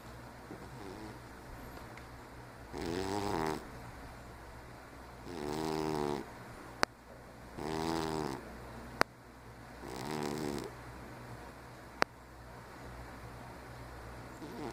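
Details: A 15-year-old diabetic cat, noisy nearly all the time even when asleep, snoring with rhythmic rattling on each breath (about four in fifteen seconds) over a steady room hum with a few clicks.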